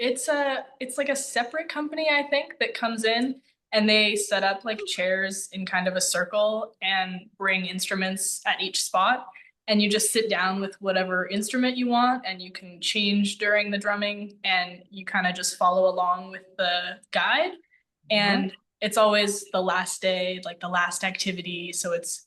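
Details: Adult woman speaking; normal speech.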